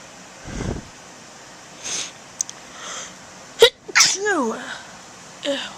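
A few loud explosive sneezes, including a sneeze that starts and stops, over room noise.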